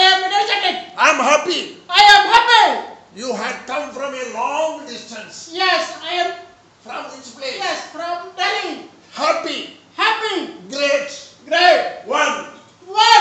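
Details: Normalized male voice after puberphonia treatment by an ENT surgeon; patient previously could not speak loudly for two years; now says he is happy and counts one to six.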